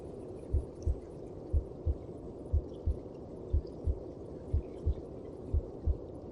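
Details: Heartbeat heard inside the mother's belly (womb sound): steady paired low thumps at about 60 beats a minute under a constant whooshing hum.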